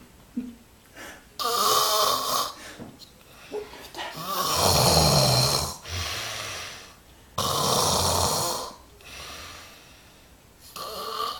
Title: snoring extreme - russare in modo estremo - gerrhitje madheshtore